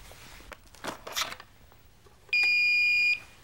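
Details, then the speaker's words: Philips HeartStart Home AED power-on tone: handling and rustling, then a steady high electronic beep under a second as the defibrillator turns on when the green handle is pulled to remove the hard cover, before its voice prompts begin. "Now, this will turn on the defibrillator. You can also turn it on by pressing the green onoff button."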